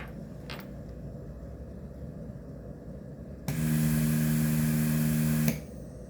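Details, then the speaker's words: Hamilton T1 ventilator with a neonatal circuit during the pre-op leak test, breathing tube blocked: quiet room hum, then a steady two-second machine tone as the ventilator runs its pre-use circuit leak test. "now we will do the pre op test which is this button right here select it and first we'll do a leak test"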